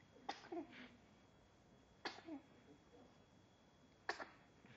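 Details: Three brief sharp sneezes with short trailing sounds, about two seconds apart, in a quiet room, followed by smiling; a run of sneezes.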